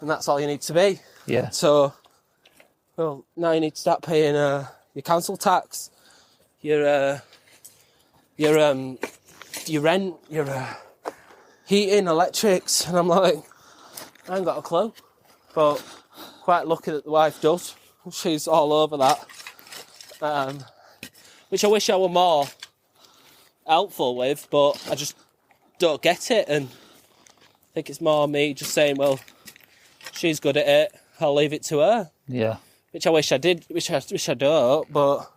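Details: Adult male veteran with stammering (stuttering) that began about six to seven years earlier from stress on learning he was leaving the armed forces; comes and goes, he masks it well, worse on the phone and when unsure what to say next.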